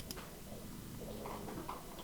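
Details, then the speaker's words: Sleeping Pomeranian dog, possibly having nightmares, giving soft, low, fluttering light snores, both big long snores and little wimpy ones, in a quiet room. "Can you hear the little snores too? There's the big long snores, but then there's the little wimpy snores, and that's the new one. Which I've never known a pom to snore, so that's pretty cute."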